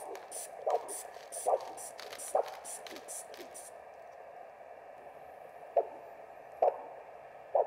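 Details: Rhythmic whooshing arterial pulse beats on a handheld Doppler probe over hissy static, fading to fainter beats, at the ankle (dorsalis pedis) during a simulated OSCE ankle-brachial pressure index measurement on a volunteer with no medical history.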